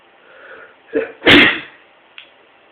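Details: Single sneeze: a brief inward catch of breath, then one forceful explosive sneeze, against faint room hiss.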